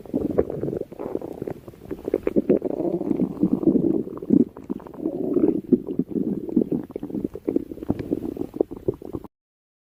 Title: A special stomach growl video